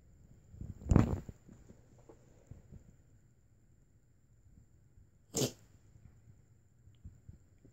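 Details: Two short, sharp bursts of air a few seconds apart in a quiet room from a dog sneezing; sneezing.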